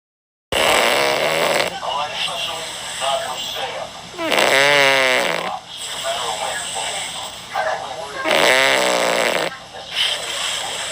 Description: Puss Puss snoring. He’s my 13-year-old black cat and he’s my baby